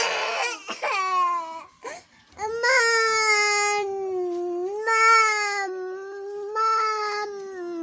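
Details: Young child crying for his mother during an ABC and animal-names lesson: loud, sustained wailing cries with brief catches of breath between long cries.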